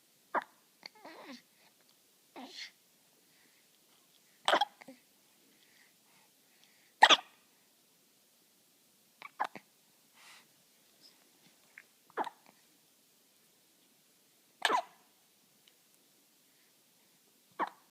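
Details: Baby with a pacifier hiccupping: short, sharp bursts every few seconds in a quiet room, about seven in eighteen seconds; infant hiccups.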